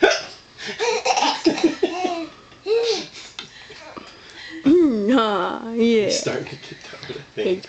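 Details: Child's hiccups on Christmas morning while laughing at his grandfather's funny faces and tickling: short abrupt breath catches between bursts of laughter and talk.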